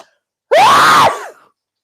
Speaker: Excuse me. I'm sorry. I've got a very, very good sneeze. Everybody thinks it's very funny. Now, I don't do it on purpose, I promise.